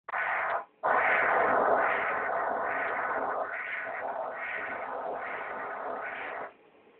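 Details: Rhythmic whooshing pulses at about 3 to 4 a second that then fade, with amplitude shown on screen, from an ultrasound device checking blood flow through an artery; arterial Doppler flow signal.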